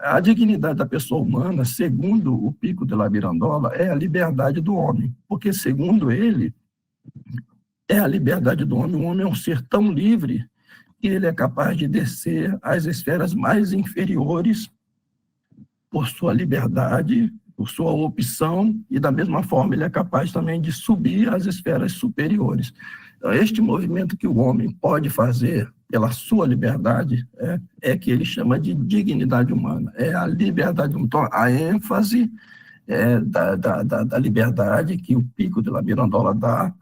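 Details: Adult man with spasmodic dysphonia treated with botulinum-type toxin injections; the effect is wearing off, so his voice is worse than last time. Signs return 3–4 months after each injection, with the next due early July.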